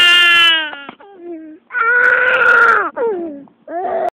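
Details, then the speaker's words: Baby crying in church: loud, high-pitched wails broken by short pauses and falling whimpers; infant cry. "you going to stop crying in church you can't be crying in church"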